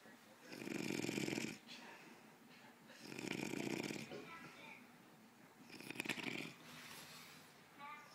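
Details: Person snoring while asleep on a recliner: three loud, rough, rattling snores at roughly three-second intervals, with quieter breathing between; ordinary snoring.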